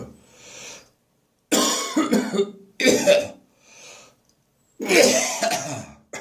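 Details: Persistent morning cough that has not gone away, recorded in a bathroom: harsh, rough coughs with throat-clearing and retching between quieter breaths; a cough with gagging.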